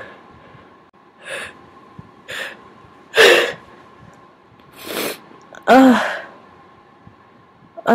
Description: This time I induced with Q-Tips... worked wonderfully, as you can hear! The big, wet sneezes return!